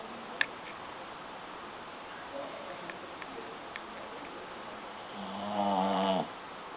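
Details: Pug snoring.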